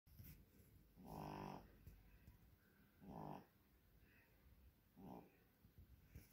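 Three slow, rough, buzzing snores about two seconds apart over quiet room noise; ordinary snoring of a small sleeping pet.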